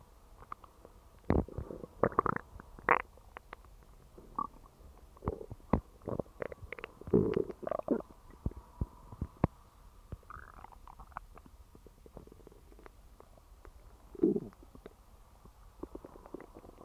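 Irregular gurgling, rumbling and squeaky bursts from the belly in a quiet room; ordinary stomach growling, a normal digestive sound.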